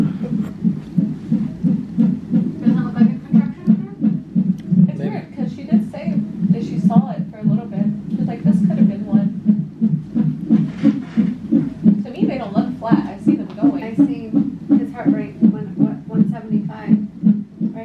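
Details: Fetal heartbeat at 29 weeks of pregnancy, heard on a hospital Doppler monitor in labor and delivery after tightening and pain. Rapid, steady whooshing pulses with faint room noise; the rate is noted to speed up.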